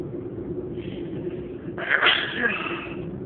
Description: Today I'm sneezing a lot...This is a video with no stifled sneezes.